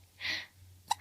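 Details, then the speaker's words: Baby girl: a soft breathy sound, then one sudden short squeaky catch of breath, an infant hiccup. "Oh, the baby got the hiccups. They're no fun."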